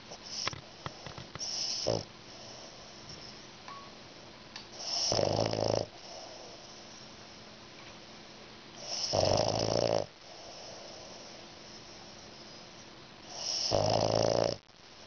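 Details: French Bulldog snoring with eyes open while relaxed between owner's legs: loud, harsh snoring, about one long snore every four seconds, each with deep rattling roughness.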